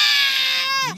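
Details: A loud, high, sustained infant cry falling in pitch at the end, a fussy, irritated, sleepy baby being urged to cry louder for the camera; infant crying.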